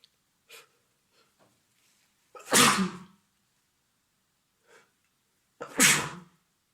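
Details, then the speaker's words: Adult man with a cold sneezing at the computer, turning his head away: quick sharp inhalations, then two loud forceful sneezes a few seconds apart after a faint earlier burst, part of a strong triple. "We were printing out some pictures, so we were both in front of the computer when he turned his head away from me and sneezed."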